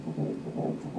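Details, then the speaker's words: Fetal heartbeat on Doppler ultrasound during a prenatal scan: rapid, rhythmic, strong whooshing pulses, regular at about 150 beats a minute; normal. "heartbeat. The people who tell me what pictures I can and can't take don't want me to measure the heart rate with the sound anymore."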